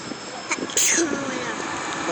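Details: Child wearing a cape sneezes once: a brief inhaled catch, then one sharp, hissing burst of air over steady vehicle noise.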